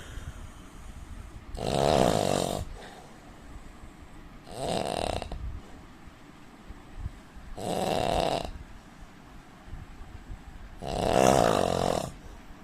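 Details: Indian man snoring: four loud, rough, rattling snores over about 12 seconds, roughly 20 breaths a minute, with quiet gaps between.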